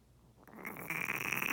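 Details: Female pet turtle with pneumonia, swimming with her mouth open and unable to submerge, later treated with ceftazidime injections for 3 weeks: a brief pause, then a rising harsh, hissing, croaking rasp of labored gasping breath.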